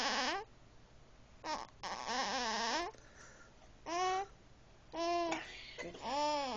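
Several short, high-pitched wailing cries with pauses between them, typical of an infant crying.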